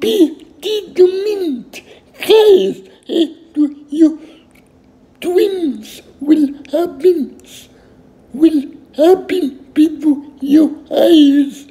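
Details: Adult male with cerebral palsy, who first walked independently at 18; dysarthria in cerebral palsy.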